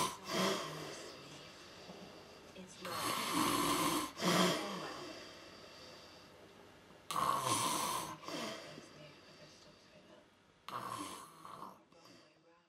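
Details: Man asleep on a sofa late at night, bad snoring: three loud rough, rattling, snorting bursts separated by quieter breathing in a small room; snoring.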